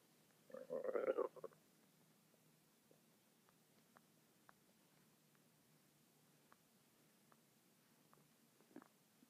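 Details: Stomach noises reportedly going non-stop for 10 minutes: a short gurgling rumble followed by scattered faint clicks and gurgles against a quiet background; ordinary stomach rumbling (borborygmi).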